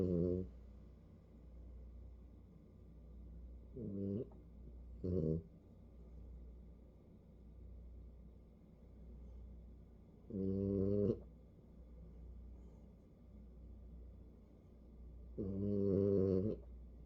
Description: Snuggled all into a furry ball, sound asleep but snoring and has the hiccups!